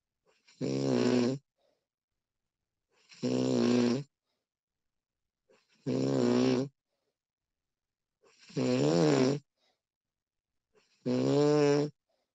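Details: Recording of a woman snoring while asleep: five loud, even, rough tonal snores on each breath, about 23 per minute, with long quiet gaps between; snoring.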